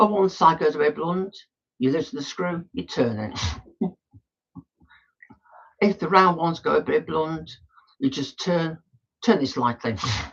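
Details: Adult male woodturner with Tourette syndrome, frequent snorting and throat-clearing vocal tics during speech; he says his tics are quite bad today.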